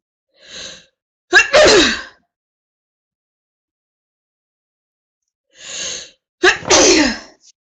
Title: woman has a prolonged sneezing fit